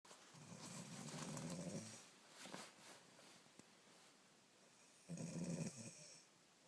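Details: Loud snoring: two loud, rattling, low snores a few seconds apart with softer snuffling breaths between them in a small room.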